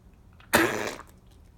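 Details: Animal with congestive heart failure gives one short, harsh cough, followed by quiet.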